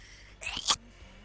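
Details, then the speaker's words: A single short, sharp sneeze from a player, heard faintly over online game voice chat. "just sneezed out of existence."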